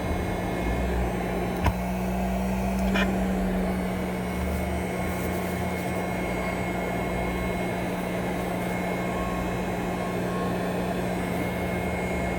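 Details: Steady low motor hum with a couple of brief clicks from a Respironics CA-3000 Cough Assist running; mechanical insufflation-exsufflation device operating.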